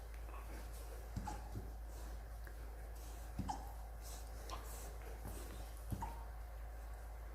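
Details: Rottweiler puppy with hiccups: soft, abrupt little clicks, some in quick pairs, about five in seven seconds over a quiet low room hum.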